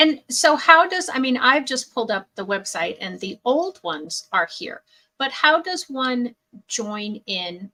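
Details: Adult woman; normal speech.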